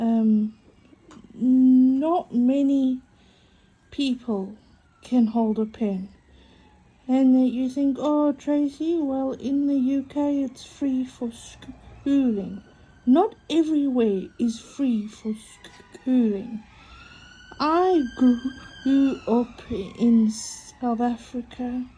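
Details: Adult woman with a self-reported stutter affecting mainly vowel-initial and W words, which she says is audible; she has accepted it and copes using breathing techniques; stuttering.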